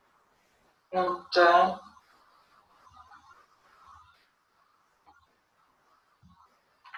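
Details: Patient with nonfluent variant primary progressive aphasia continuing a picture description task; finding: nonfluent speech (nonfluent variant primary progressive aphasia).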